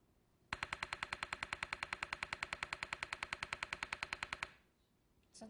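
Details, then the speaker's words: Repetitive transcranial magnetic stimulation for depression: a rapid, even train of sharp clicking pulses, roughly eight per second, lasting about four seconds, followed by a 26-second break; patient says it feels like tapping on the head. "provides a rapid pulse of TMS for 4 seconds with a 26 second break"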